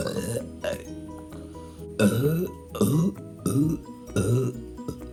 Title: 51.7 Seconds of Me Burping